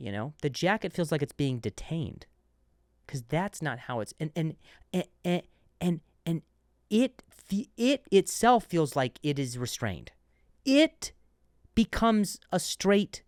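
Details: Adult man who stutters, who notes switching words after stuttering on one; word repetitions; stuttering.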